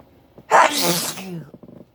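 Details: Sneezing fit: one forceful sneeze with a sharp explosive burst trailing into a voiced tail, then quiet breathing noises.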